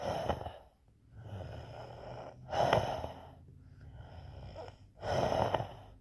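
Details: Imitated wheezing: loud, noisy breaths with a faint whistling edge, about 24 cycles a minute.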